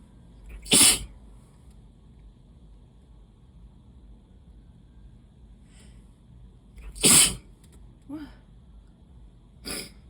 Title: Wet, desperate allergy sneezes